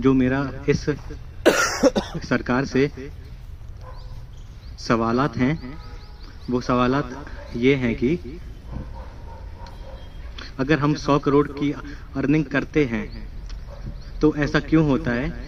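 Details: Male student at a stammering therapy centre, speaking in a public-speaking role-play as a company CEO; stuttering.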